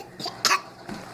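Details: A young child gives a short, deliberate-sounding cough, claiming to be sick and to need medicine: a voluntary fake cough rather than an illness cough.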